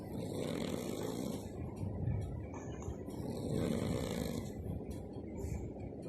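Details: Snoring during sleep: low, rough, rumbling breathing noise rising and falling over two breath cycles, with steady background noise.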